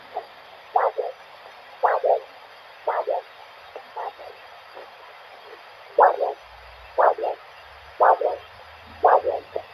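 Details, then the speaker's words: Handheld Doppler probe at about 45 degrees over the dorsalis pedis artery on the foot during a vascular assessment: repeating whooshing pulse about once a second, each with several phases, a normal multiphasic arterial signal. "we can hear a normal multi-physic sound that's being produced"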